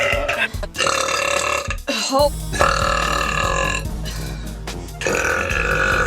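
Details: Girl burping: long voiced belches over steady background music.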